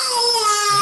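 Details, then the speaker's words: Two-year-old child with severe bronchial obstruction and wheeze: sustained, clear, tonal crying during which the wheeze disappears without medication, staying symptom-free afterward; crying without wheeze. "has been disappeared no vision more after the crying but it was a cry of body and soul without medication"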